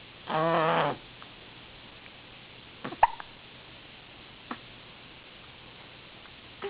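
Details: Infant gives a brief cooing vocalization, then a few short, sharp hiccup catches spaced seconds apart in a quiet room; hiccups.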